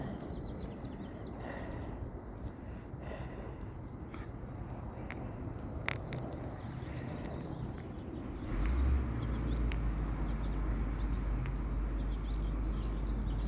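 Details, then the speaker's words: Dog in a nonstop reverse sneezing episode, owner says she seems unable to breathe: rapid, repeated low snorting inhalations without pause. "It's so bad. It's nonstop. Boy. It's like she can't breathe."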